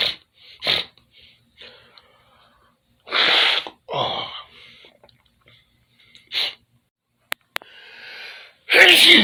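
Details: Sneezing in a bedroom with dripping nose: several loud, sharp sneezes with a sniff and nose blowing between them.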